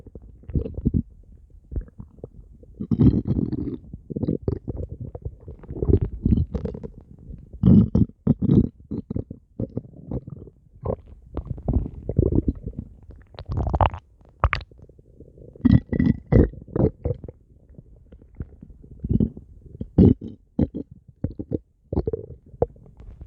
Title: stomach growling 8